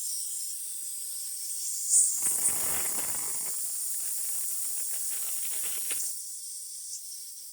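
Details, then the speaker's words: A portable oxygen cylinder with its gauge arrow in the red is switched off, then its valve is unscrewed to vent leftover oxygen before refilling or replacing it. Steady soft hiss of escaping gas. "But this one, there still have air, so before we're going to fill it, we need to unscrew this one just to release the air."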